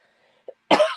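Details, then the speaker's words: Adult woman with a cold and nasal congestion: a soft catch of breath, then one sharp, loud, fairly dry cough in a quiet room; cough. "excuse me you'll hear me coughing throughout um still got the nasales with this"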